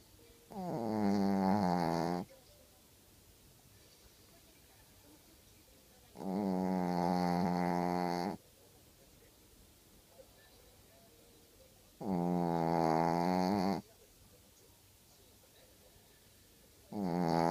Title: Snoring Dog (Matcho)